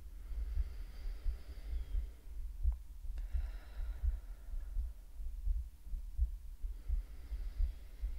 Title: ASMR Lets you Listen to Her Heartbeat 🫀 /relaxing roleplay/breathing sound